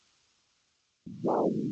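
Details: Monophasic arterial Doppler signal, a single sound per pulse, played in ABPI (ankle-brachial pressure index) teaching as a tri-, bi- or monophasic listening quiz.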